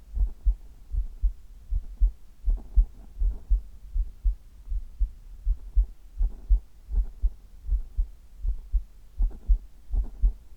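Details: Steady, regular, low paired thumps at about 80 beats a minute: normal heart sounds recorded over the chest of an adult for an ASMR recording.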